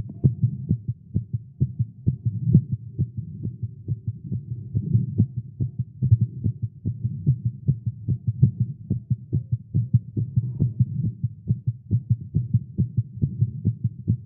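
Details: A male heartbeat recorded after exercising with caffeine, tagged as irregular and fast. There is a rapid, strong, low thumping heartbeat, somewhat uneven, against a low hum, a fast heartbeat.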